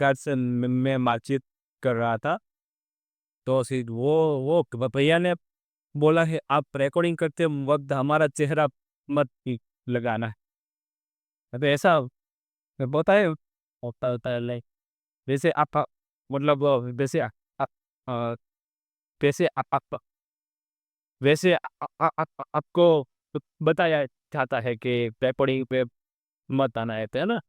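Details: Real stuttering in an adult male during a segment on difficult live stammering, on day 27 of a stammering-control journey; a background-voice-removal filter changed his original voice.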